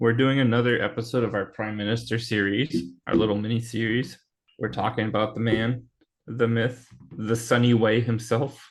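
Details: Adult male speaker; normal voice.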